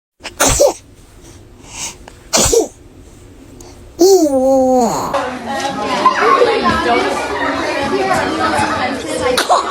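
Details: Baby sneezing: two short, sharp sneezes, then a rising little cry and adult chatter and laughter.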